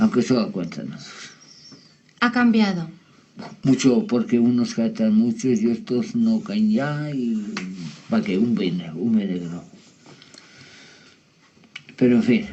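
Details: Adult male with ischaemic infarct caused by an operation; fluent speech with meaningless and invented words, preserved intonation, impaired comprehension: Wernicke's aphasia.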